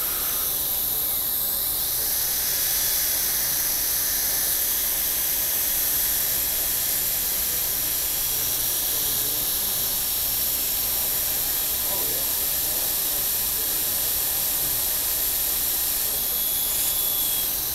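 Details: Dental handpiece running continuously, steady high-pitched whine working 6.6% hydrochloric acid with silica or pumice abrasive onto a patient's central incisors during microabrasion removal of brown stains from two hypocalcified spots.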